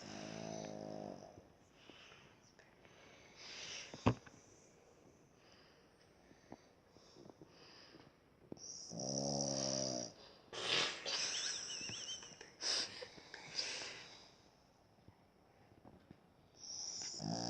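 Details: Sleeping baby: rhythmic, buzzy snoring noises recurring every few seconds in a quiet room; infant snoring.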